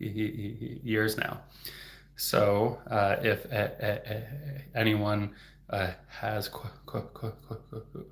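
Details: Adult male speech-language pathologist who stutters, speaking openly in a livestream on stuttering: stuttering.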